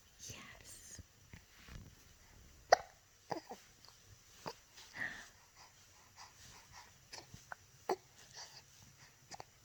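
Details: Short, sharp gulping catches repeating irregularly amid soft whispering and room noise; recurrent hiccups.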